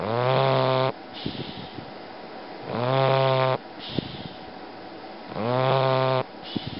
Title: Bully Snoring